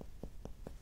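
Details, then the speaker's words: Normal resonant percussion note in a healthy person: a finger placed firmly on the posterior chest is tapped by hand, without a stethoscope, giving a fairly resonant sound. "listen for resonance in a healthy patient it's gonna be fairly resonant and you you get better at this with practice"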